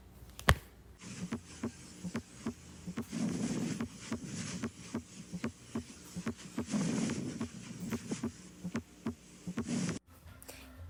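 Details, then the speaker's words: Fourth heart sound (S4) at the mitral area, from atrial contraction, soft, low-pitched and short, falling just before S1: regular low heart sounds with a dull extra beat; S4 gallop. "el área mitral es un sonido de llenado activo de contracción auricular su timbre es suave su tono es grave y la duración es corta la diferencia entre este y el S3 es que el S4 va antes del r1"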